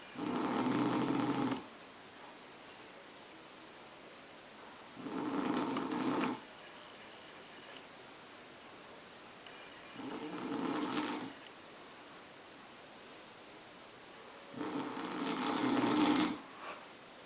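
Four long, rough snoring breaths at a slow, steady pace, about four a minute, with quiet pauses between them.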